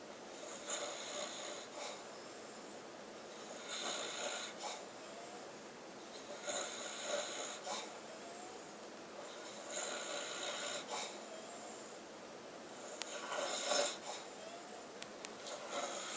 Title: Royal Caribbean drunk guy snoring